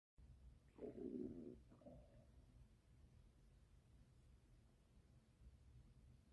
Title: Stomach growl